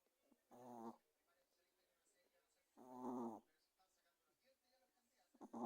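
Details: Snoring during sleep: two voiced, buzzy breath sounds about two seconds apart in a quiet room.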